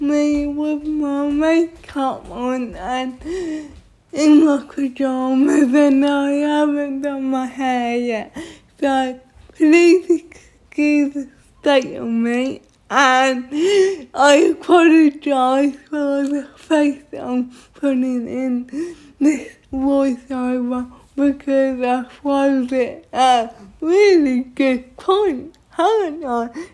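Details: Dysarthria in a young woman with cerebral palsy.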